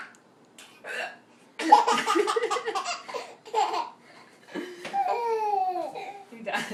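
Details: Brief, abrupt hiccup sounds from an adult, the baby's mother, alternate with her infant son's bursts of high, gleeful laughter: hiccups.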